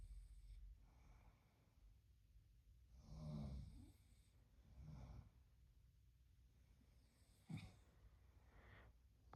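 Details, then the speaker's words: Quiet room at night with a few low, rough snoring breaths at irregular intervals; ordinary snoring from a sleeping man. "এদিকে রনি নাক ডাকছে ঠিক আছে, কিন্তু আমার এখানে অ্যাটাচ একটা রুম আছে, সেই রুম থেকে লোকটা যা নাক ডাকছে, বাবারে বাবা,"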